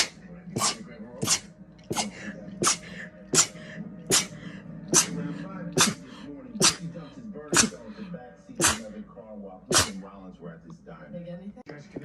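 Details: Rapid repeated sneezing in a girl: a run of about fourteen sharp, hissing sneezes, roughly one every three-quarters of a second, with faint voicing between them.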